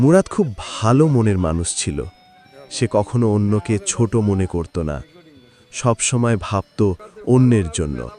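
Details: Adult male narrator; normal fluent speech.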